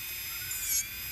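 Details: Medical pedicure for onychomycosis: steady high-pitched whine of a rotary nail drill grinding the central part of a fungal toenail, rising briefly under pressure.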